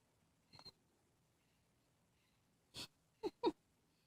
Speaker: got the hiccups?